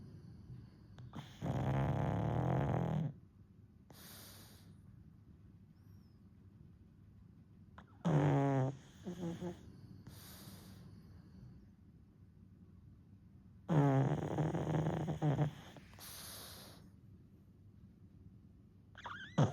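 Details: 1-year-old pug napping, falling back asleep after briefly waking: slow, rough, rattling snores, about three loud breaths with quieter breathing between, typical flat-faced dog snoring.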